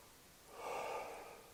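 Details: Normal vesicular breath sounds on stethoscope auscultation at the mid-axillary line, sixth intercostal space, over the lower lobes, comparing sides.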